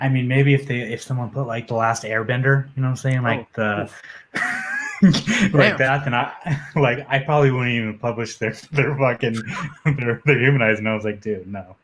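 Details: Adult man, an MMA journalist, who reports having a stutter that comes out when he is nervous; stuttering.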